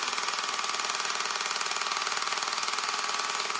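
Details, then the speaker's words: At-home low-intensity shockwave device applied to the penis for erectile dysfunction, with numbing cream and gel: loud, steady rapid tapping, about two pulses a second; user reports no pain, feels good. "All you guys can do is just hear how loud it is. But no pain at all."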